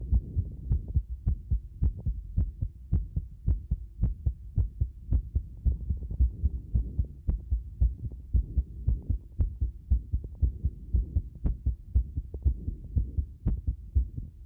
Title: たくさん乱れた心臓の音